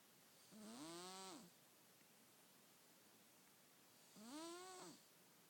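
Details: Two soft, whistling, tonal snores about three and a half seconds apart from a sleeping cat; harmless normal snoring.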